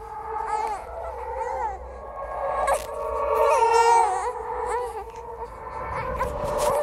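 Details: Horror sound-effect track, not a real baby: layered, wavering wails like a baby crying, blended with eerie effects; a ghost-baby imitation of an infant cry.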